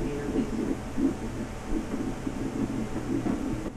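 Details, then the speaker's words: Normal early fetal heartbeat on Doppler at an ultrasound at 9 weeks 3 days of a first pregnancy: rapid, rhythmic whooshing pulses, about 170 beats a minute, normal for this stage. "so that's a normal heart rate at this stage"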